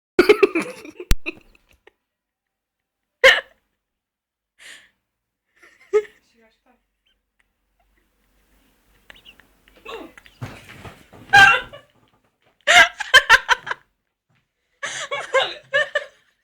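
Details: A laughing girl or woman has several sharp, abrupt gulping hiccups at irregular intervals between laughter and chatter, then complains her belly hurts; hiccups.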